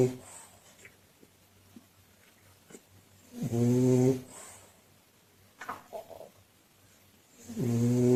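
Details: Sleeping French bulldog, owner unsure whether purebred, snoring loudly: rattling snores about three in eight seconds with quieter snuffling breaths between; heavy snoring.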